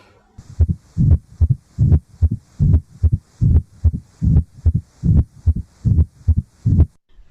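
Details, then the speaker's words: Regular heart sounds at about 74 a minute with an extra early diastolic opening snap, typical of mitral stenosis, usually heard at the apex or left lower sternal border. "finally diastolic opening snaps are also mitral stenosis but are usually heard at the apex or left lower sternal border"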